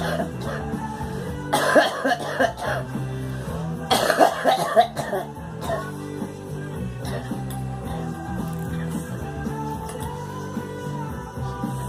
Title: Girl coughing